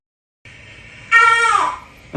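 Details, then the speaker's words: Infant crying at night (2:43) on a night camera, apparently hungry, a brief high-pitched wail rising then falling over faint room hiss, starting to build up; infant crying. "Это орет. В 2:43. Он есть, видимо, захотел. Он потихоньку начинает разгоняться."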